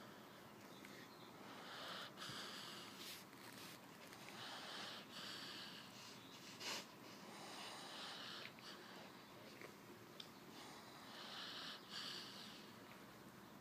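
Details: Sleeping dog snoring: soft hissy snuffling snores about every three seconds, faint nasal whistle on some breaths: snoring.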